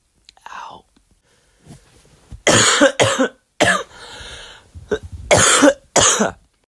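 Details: Adult coughing during influenza: about five loud, harsh coughs in short bouts, with hissing breaths between them and softer throat sounds before.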